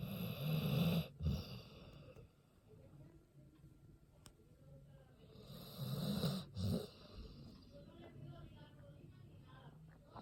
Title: Snoring pit bull